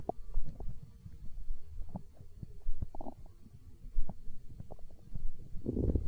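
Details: Stomach growling (borborygmi), hunger sounds from an ASMR recording: low rumbling with scattered gurgles and clicks over a faint hiss.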